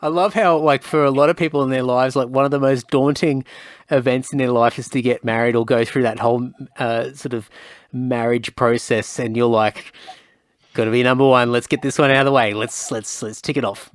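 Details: Adult male speaker; typical speech.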